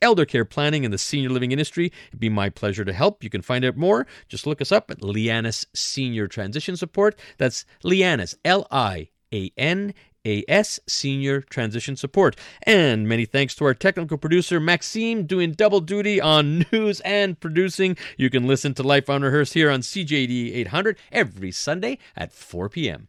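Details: Adult radio host; normal speech.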